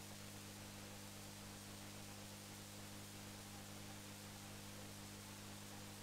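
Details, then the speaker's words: Sleeping adult male patient with obstructive sleep apnoea: after snoring-type breathing, breathing pause with near-silence, steady hiss and low hum while he visibly tries to breathe against a throat obstruction. "sie haben gesehen dieser patient hatte im schlaf zunächst geatmet geschleift und ab einem bestimmten moment hat er erkennbar versucht zu atmen aber es waren keine geräusche mehr hörbar"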